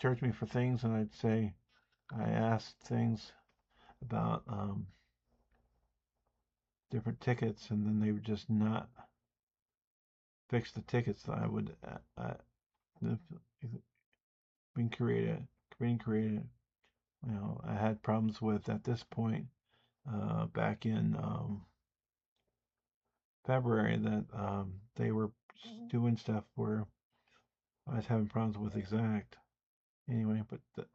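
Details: Speech impediment (disfluent speech), self-reported and audible, in an adult man.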